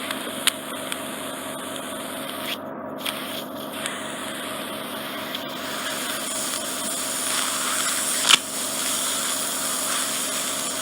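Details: Ear wax microsuction deep in the ear canal of an adult who swam a lot in cold water, with suspected swimmer's ear bony protrusions trapping wax: continuous loud hissing suction with brief clicks and crackles.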